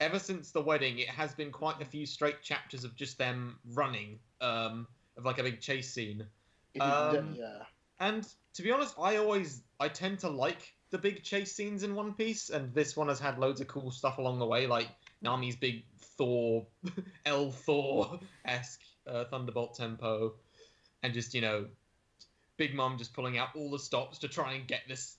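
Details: Adult male speaker; conversational speech.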